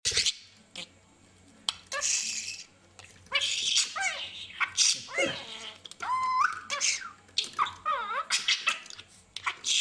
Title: Budgie cough